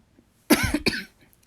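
Two quick, harsh cough bursts with some voicing in a quiet room: a dry, tickly cough from a cold.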